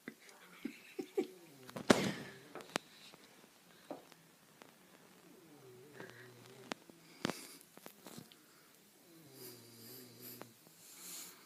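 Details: 7-year-old boy asleep and snoring, with irregular rattling and whistling breaths, clicks and snorts.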